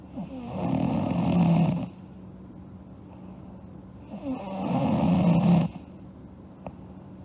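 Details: A sleeping girl snoring: two long, rough, fluttering snores on breathing in, about 17 a minute, separated by quiet breathing out.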